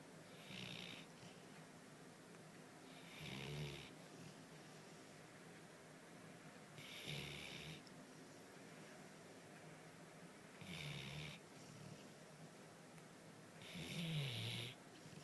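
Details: Everyday snoring: rhythmic low rumbling snores with a hissing edge, about 20 a minute; snoring.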